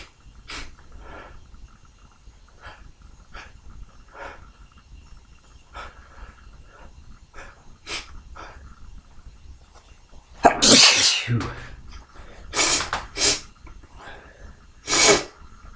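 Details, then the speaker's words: Wednesday morning sneezing, messy with spray: quiet breathing and small noises, then a loud sneeze followed by further explosive sneezes, some close together in pairs. "Everything's getting absolutely caked in spray."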